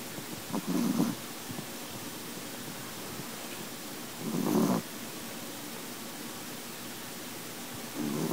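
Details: Chihuahua snoring after a full meal: soft, rough breathing noises recur every few seconds over faint room noise.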